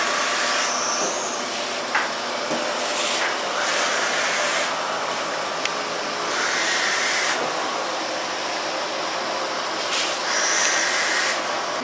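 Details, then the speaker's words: Tracheostomy suction machine running, used to clear the trachea of a 25-26-year-old ventilator-dependent man with an undiagnosed rare disease; steady loud motor hum with hissing suction surges. "temos a máquina que fazemos a limpeza do Traque que é a máquina de aspirar"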